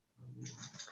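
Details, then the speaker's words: A single low, rumbling snore from a sleeping dog, with an airy, hissing breath at its end, heard in the background while the owner speaks. "of course you can hear my dog snoring again because every time i talk the dog's got a store in the background"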